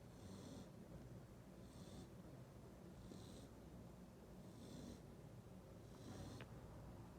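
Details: Sleeping Cane Corso puppy snoring: soft, even snores with a faint hissing edge on each breath, roughly 40 a minute, likened to a grown man's snoring.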